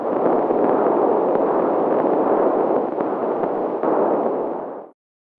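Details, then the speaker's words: Maternal venous sound picked up by a home BabyBeat fetal Doppler: a steady whooshing rush that varies with the mother's breathing, unlike arterial sounds that keep pace with her heartbeat. "maternal sounds your arterial sounds are at the same Pace as your heartbeat Venus sounds vary with many things like breathing"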